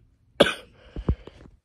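A single sharp cough followed by a few softer throat sounds and breaths; a cough with illness.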